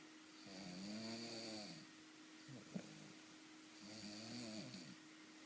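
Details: Snoring from a sleeping person: two slow, buzzing, vibrating breath sounds about three seconds apart over a steady room hum.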